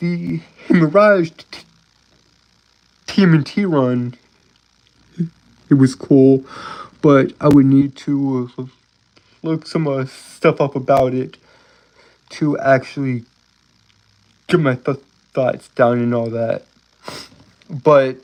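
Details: Stuttering in an adult male live-streamer who says he has a speech impediment and stutters a lot.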